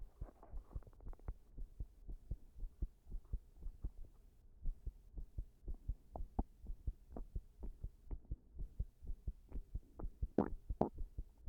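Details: Heart sounds recorded with pressure while standing against a wall after an all-nighter: fast, low thumps with uneven spacing and brief rubbing noise near the end, an irregular rhythm (arrhythmia).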